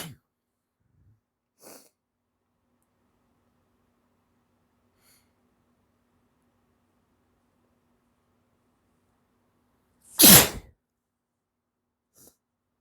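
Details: Adult man's hitchy, wet sneezing: short catching breaths build up, then one loud, forceful sneeze follows after a pause.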